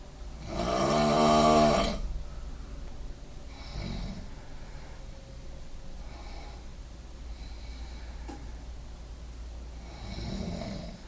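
Loud, harsh rattling snore on one breath in, followed by softer snoring breaths, in a small room.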